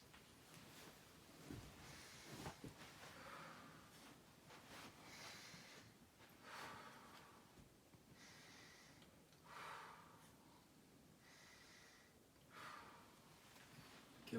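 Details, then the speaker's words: Soft, even breath cycles heard with a stethoscope on the posterior thorax during a nursing head-to-toe assessment, patient breathing in through the nose and out through the mouth; clear lung sounds without adventitious sounds, normal breath sounds. "okay upon auscultation I do not hear any adventitious sounds and the lung sounds are clear throughout"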